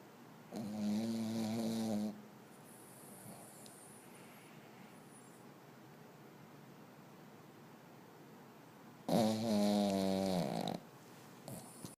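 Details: Dog asleep, snoring like a human: two long, loud, buzzing snores about eight seconds apart, separated by quiet breathing; dog snoring.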